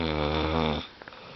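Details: Adult man snoring during sleep: a single loud, deep, buzzing snore under a second, then quiet; ordinary heavy snoring, in a sleep episode that also included coughing and sleep-talking.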